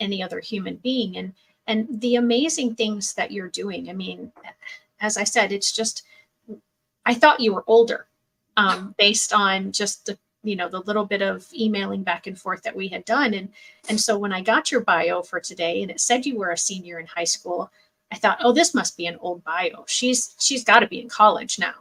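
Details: Adult woman speaking; normal speech.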